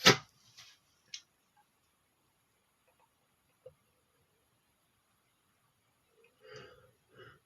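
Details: One sharp, forceful sneeze burst followed by a few small sneezes, then quiet with faint breath sounds; sneezing in a male.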